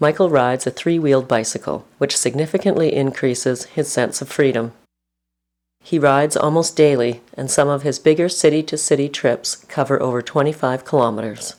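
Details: Adult narrator; normal speech.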